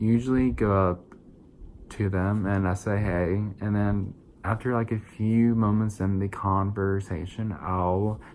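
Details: 22-year-old adult with verbal apraxia of speech, a neurological brain-to-mouth motor planning disorder without muscle weakness. Diagnosed as childhood apraxia of speech when young and rediagnosed as verbal apraxia around age 20, with about 8 years of speech therapy: apraxia of speech.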